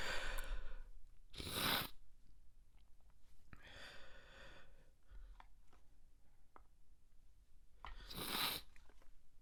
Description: I really needed to get this tickle out, but I didn't want anyone to hear me from the other room